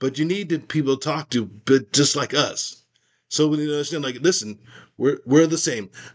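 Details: Aphasia after a stroke in a man, speaking in a conversation about his recovery; finding: aphasia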